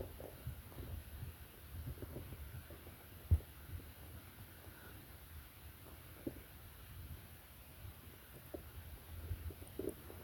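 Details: Sleeping person's stomach growling: low, irregular rumbling with occasional soft gurgles and pops from gut movement, ordinary bowel sounds.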